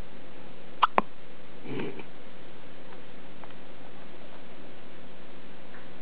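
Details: Newborn baby with hiccups: two quick, sharp catching sounds about a second apart in a quiet room, then a soft murmur.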